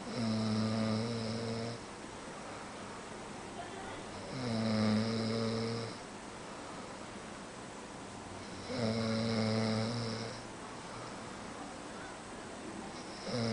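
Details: Adult man, a roommate's boyfriend, asleep, snoring loudly and roughly on each inward breath at about 14 a minute, with quiet exhalations between; snoring.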